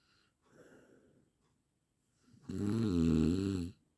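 A soft breath sound followed by one loud, rough, buzzing snore on the breath in: snoring.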